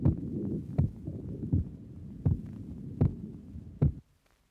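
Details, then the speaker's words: Patient without a valve lesion, stethoscope at the pulmonic area: regular low heart thumps at about 80 a minute, with a normal second sound because lung blood pressure is not elevated; normal heart sounds. "Here the second sound is normal because the blood pressure in the lungs is not elevated because this patient does not have a valve lesion."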